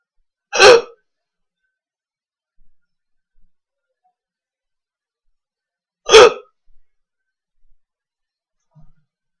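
Two abrupt, loud hiccups about five and a half seconds apart, separated by silence, typical of a bout of hiccups.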